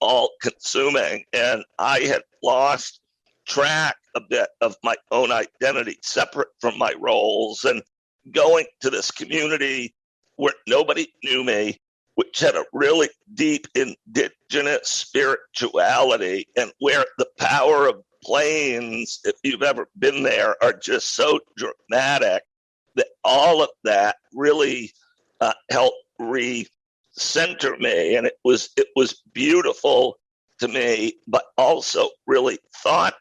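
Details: Adult male who acquired a rare neurological voice disorder in 2012 that made speaking difficult, still audible years later; strained, choppy voice; neurological voice disorder.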